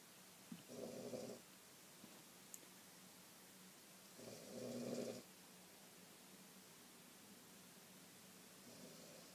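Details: Mother snoring in bed: low rattling snores on breathing in, roughly every four seconds, with steady room hiss between them; ordinary snoring.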